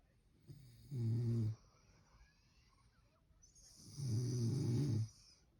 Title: Listening to her snore makes me smile #beworthyoftheirdevotion #adopt #rescuedandloved #mydog